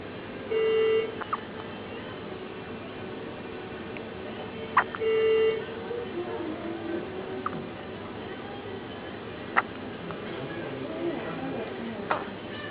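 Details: Five-day-old newborn with hiccups: soft, sharp hiccups recurring every few seconds against quiet room noise and two electronic beeps.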